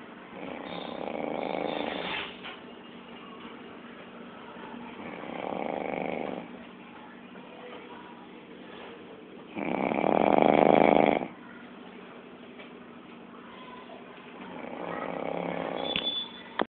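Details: Person snoring in the morning: loud, rough snores about every four seconds against steady background hum; ordinary snoring.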